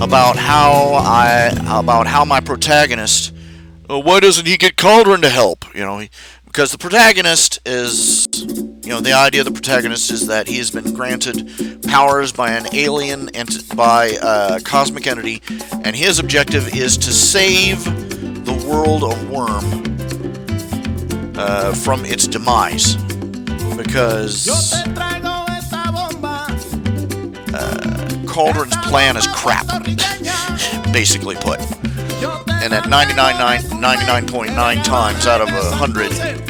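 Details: Man who says he stutters all the time and is having difficulty explaining his point; stuttering.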